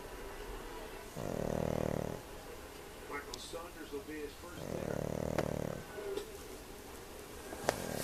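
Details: Sleeping pug snoring, which owners think is due to her small nose: two loud, low, rattling snores about three seconds apart over faint room noise.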